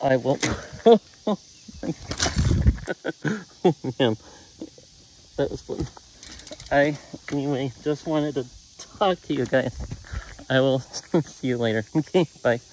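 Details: Man with Tourette syndrome whose speech is interrupted by interjected vocal tics; he says his calm goes away with contact with people, even via camera; vocal tics.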